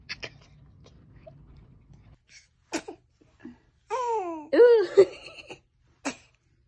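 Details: Short, sharp infant sneezes followed by high, squeaky baby coos and squeals.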